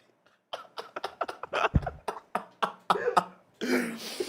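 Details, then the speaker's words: Adult man lets out a deep, rumbling coffee burp into an unmuted microphone during a podcast, amid short clicking and popping mic sounds. "Chad hear that yeah they did everybody heard it everybody heard my coffee burp just a [ __ ] that burp that sounded like a [ __ ] such a satisfying burp dude"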